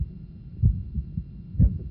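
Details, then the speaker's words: Slow, low heart sounds near 60 a minute with a soft early systolic innocent murmur at the lower left sternal border in a healthy all-pro NFL football player; slow rate typical of conditioned athletes. "Our first was all-pro, healthy, and had innocent murmurs. His heart rate is slow, typical of conditioned athletes."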